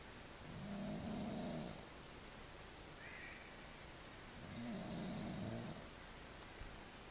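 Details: Morning snoring: two soft buzzing snores on the in-breath, a few seconds apart, with a small squeak between them, over steady room noise.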